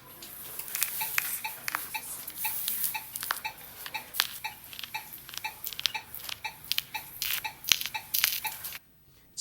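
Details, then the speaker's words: Dense fast crackling and popping over a steady hiss during radiofrequency body treatment of the arm under anesthesia; crackling from fibroseptal tissue contraction, not fat melting. "you can hear that crackling that crackling is not fat melting fat melting has no sound crackling is FSN contraction"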